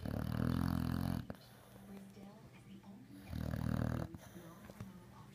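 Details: Two loud, rumbling, rattling snores about three seconds apart, with quieter breathing between; snoring.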